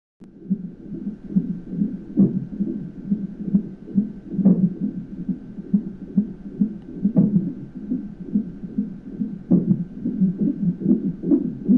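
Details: Fetal heartbeat on monitoring with the baby boy hiccuping: rapid whooshing beat near 140 a minute, broken every few seconds by sharper hiccup thumps.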